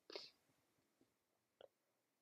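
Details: Sleepy female with a cold gives one soft, hissing sneeze, then a faint second burst after a pause; sneezing.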